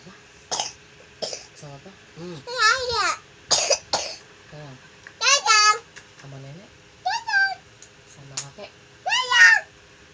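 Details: Young child coughing several brief times, mixed with babbling and an adult talking in a small room.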